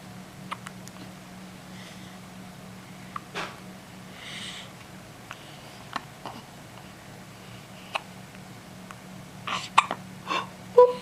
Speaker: Do you have the hiccups? I'm sorry you got the hiccups.